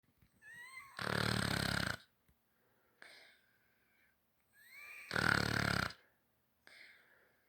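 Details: Sleeping puppy: two loud, rough rattling breaths with squeaky whistling tones between them; snoring.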